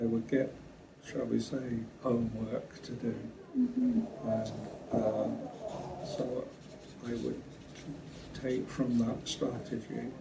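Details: Brain injury survivor with aphasia attending speech therapy, reporting difficulty with question-and-answer sessions with doctors; aphasia.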